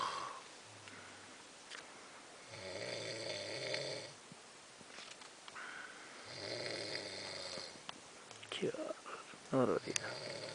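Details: Adult man snoring loudly and rumbling on each breath about every four seconds while sleeping outdoors at night on a fishing trip in the bush, with night noise and brief nearby voices; heavy snoring.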